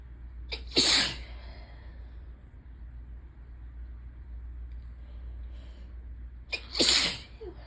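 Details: Sneezing fit during ragweed season, nose suddenly very sensitive after itching and teasing: two sharp explosive sneezes several seconds apart over steady rain noise; allergic rhinitis.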